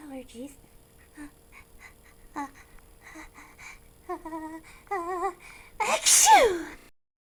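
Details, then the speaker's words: Simulated sneezing in a character-voiced mouse skit: wavering, squeaky voiced buildup ("Oh dear. Excuse me. I held back") ending in a loud acted sneeze burst. "Oh dear. Uh, excuse me. Oh, I held back. Not one. Uh, achoo!"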